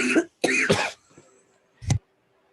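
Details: Adult cough while smoking during a live stream: three harsh, dry coughs close together, then one more after a short pause.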